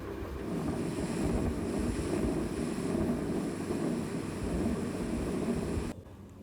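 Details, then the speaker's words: Patent ductus arteriosus heard at the left infraclavicular region (Gibson's area): a loud, unbroken continuous machinery murmur rumbling through the whole cardiac cycle. "Right, and the most important point, a continuous murmur at the left infraclavicular region, the main part where the PDA is present. In that region, which is also called Gibson's area, is where we hear a loud continuous murmur which sounds like this."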